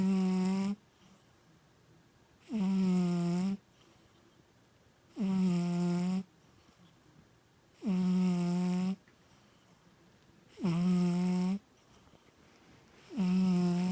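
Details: Loud, regular, strongly voiced snores during sleep, about 22 a minute, each a sustained tone lasting about a second with quiet pauses between; snoring.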